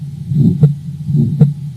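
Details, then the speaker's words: Aortic stenosis at about 78 bpm: a rough crescendo-decrescendo ejection murmur filling systole between S1 and S2, produced by ejection of blood from the left ventricle. "it's also called an ejection murmur because the crescendo decrescendo pattern is caused by the ejection of blood from the left ventricle"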